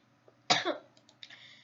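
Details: A single short, sharp cough with light room noise behind it, recorded in a gymnasium.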